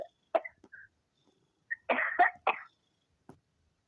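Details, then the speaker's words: Three or four harsh cough bursts from an older woman on a phone voicemail; she attributes them to a tickle in her throat. "I just got a tickle in my throat. That's all it is. No need to concern"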